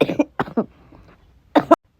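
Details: Several short, sharp cough bursts from an adult who says they got sick after recording, with a quiet gap before a final pair; cough.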